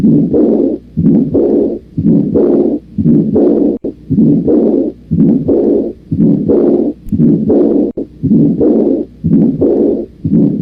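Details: Systolic and diastolic murmurs of severe aortic regurgitation.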